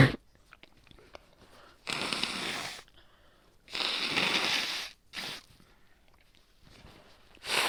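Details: Wet, productive cough from a real voice recording: several harsh, noisy cough bursts with a loose, wet quality.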